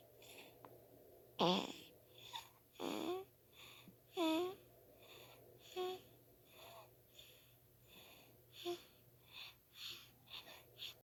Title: Precious Newborn Baby Snoring